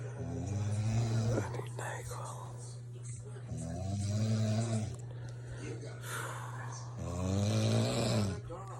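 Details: An adult woman snoring in her sleep at 2 a.m., loud enough to wake her husband and the cat: loud, rumbling snores with a buzzing low tone, about every three seconds, over a steady background hum.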